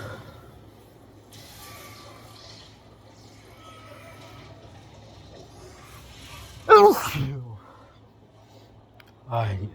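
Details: Hay fever sneezing fit while playing the video game Spider-Man 2: snorts and stifled sneezes, then two sharp sneeze bursts a few seconds apart over game sounds in a quiet room; sneezing.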